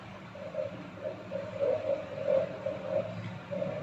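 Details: Steady hiss with irregular swishing bursts from a Jumper AngelSounds JPD-100S9 handheld fetal Doppler switched on in an unboxing demo; no fetal heartbeat is picked up.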